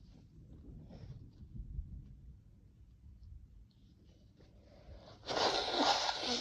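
Quiet room rumble, then one loud, forceful burst of air near the end, cut off at the clip's close; a single sneeze.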